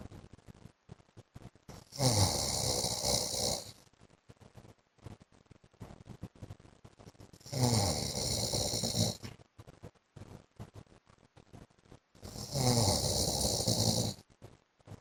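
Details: Adult man (husband) asleep: three long, harsh snores with a hissing, whistly edge, about one every five seconds, with crackling background noise between; loud snoring.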